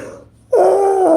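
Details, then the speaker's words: Hungry person's stomach growling before eating: after a quiet moment, a loud, sustained, low-pitched gurgling rumble of about half a second; ordinary borborygmi. "My stomach in here talking with it's putting some bass in this. That motherfucker talking shit with some bass."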